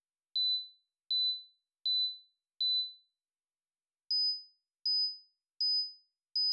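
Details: Pulsed sine-wave tinnitus tone-matching tones from 1 to 16 kHz in 1000 Hz steps: pure high-pitched beeps in groups of four, stepping up in pitch, to help identify a broad tinnitus frequency area.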